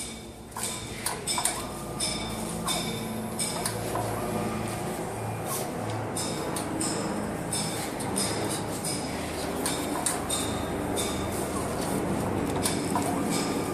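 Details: MSLAB07 automated blood analyzer starting up and running its setup cycle after reagent and tubing connection. Mechanical clicking, pinging and motor noise.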